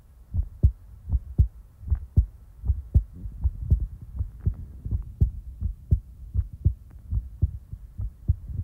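Steady low thumping heartbeat at about 80 beats a minute, regular rhythm; a normal resting heartbeat.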